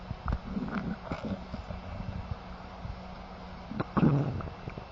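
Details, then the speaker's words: Stethoscope auscultation over the abdomen: intermittent soft, high-pitched gurgling and bubbling sounds, described as normally occurring 5 to 30 times a minute; normal bowel sounds. "use bowel sounds should always be present here note the character and frequency of vowel sounds which typically are high-pitched gurgling cascading sounds that occur intermittently 5 to 30 times per minute"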